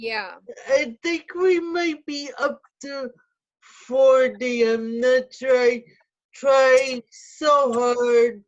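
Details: Dysarthric speech in an adult woman with spastic quadriplegic cerebral palsy who uses a wheelchair.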